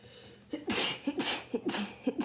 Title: Rapid sneezing from my cold (and nose blows)